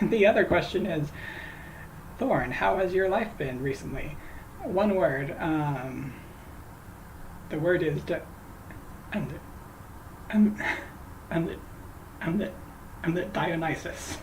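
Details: Adult female host who says she stutters, repeating words while trying to say a name she says she stutters on: stuttering.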